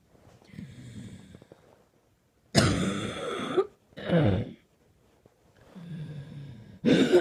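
Quiet rasping breaths broken by two loud, harsh cough bursts and a third starting; a nighttime coughing fit.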